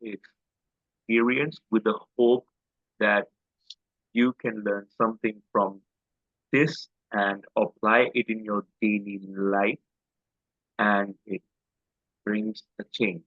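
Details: Adult man with a self-described quite severe stammer since school days, speaking in an interview; stuttering.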